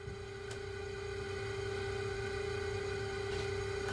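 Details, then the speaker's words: ResMed CPAP machine just under 5 years old, reassembled and running a mask fit: steady high-pitched whine with low rumble, very loud, still whining; motor/turbine suspected failing, noisy CPAP motor. "so still a little bit of a wine yeah maybe the motor shot that's pretty bad yeah yeah that's very loud"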